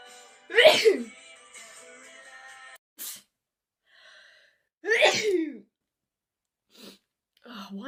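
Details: Girl sneezing, tagged allergies and sinuses: two sharp, forceful sneezes with a brief high-pitched breathy burst, over faint background music; sneezing.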